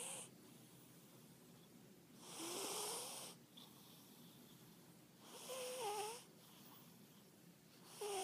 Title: my cat snoring